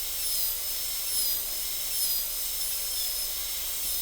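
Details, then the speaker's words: Steady high-pitched whine of a high-speed dental handpiece in a class demonstration, cutting a Kilgore MOD class II preprepared practice tooth for a gold onlay. It reduces the A plane for about 3/4 mm occlusal clearance while preserving the cusp ridge. "And we do the basic movements the same as we always do for reducing the a plane. So we're getting we're getting enough clearance."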